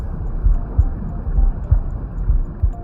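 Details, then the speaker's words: Normal adult heartbeat recorded with a Stemoscope digital stethoscope: soft, deep paired thumps at roughly 65 per minute with a steady rhythm. "if you are a new mom you may record your heartbeats and play them to your baby your baby may enjoy them because these are the sounds your baby enjoyed when he or she was still in the womb"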